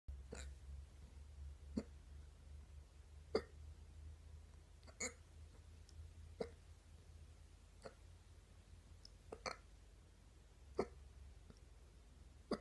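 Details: Woman's stubborn morning hiccups: soft, sharp hiccups about every one and a half seconds, roughly 40 a minute, over quiet room hum.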